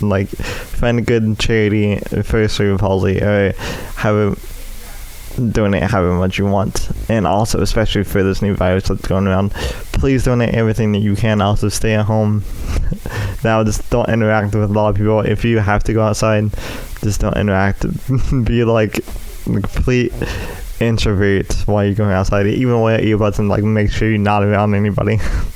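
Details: Dysarthria in an adult male with cerebral palsy affecting his right side, which he says also causes his speech impediment.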